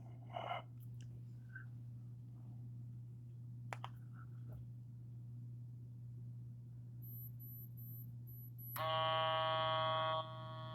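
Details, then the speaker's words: Equate 4500 series wrist blood pressure monitor held at heart level, taken after exercising without the advised 5-minute rest, reading 139/93: button clicks, short beeps, then steady mechanical buzz as the cuff inflates. "It says, just relax and press the power button."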